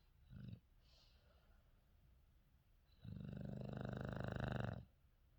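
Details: A female English Bulldog/Shar Pei mix asleep: a short snort, then a long, low, fluttering snore on one breath, vibration felt by owner; snoring.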